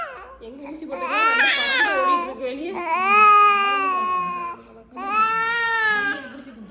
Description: My baby crying after vaccine injection